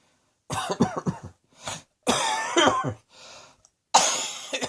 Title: Cross Dressing Coughing 121